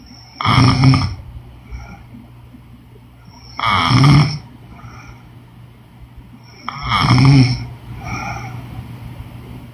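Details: Woman snoring during sleep: three loud, rough snores about 3 seconds apart, with faint breathy exhales between them.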